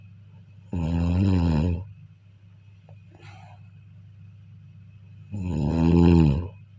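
Two deep, vibrating snores about four to five seconds apart with a soft exhale between; ordinary snoring.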